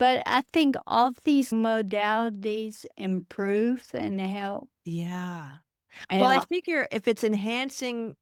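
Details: Adult woman with Friedreich's ataxia, a rare progressive neurodegenerative disease diagnosed at age 23, which she says affects her speech; wheelchair user; ataxic dysarthria.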